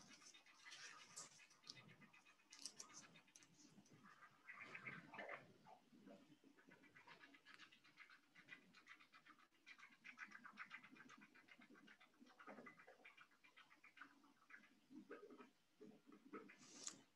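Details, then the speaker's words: Pulsed Doppler cardiac blood flow in a mouse, with the probe positioned at the mitral valve during a Doppler flow velocity system demonstration. Fast, soft, rhythmic whooshing pulses. "can probably hear through my microphone you can hear the traditional sound of the Doppler flow so that's coming through the computer and often we can recognize the different flow velocities that we're seeing based on that signal and the sound that we're seeing without even looking at the screen"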